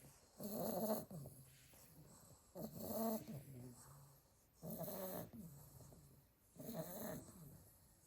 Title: Snoring sleepy pile of staffy puppies 🐶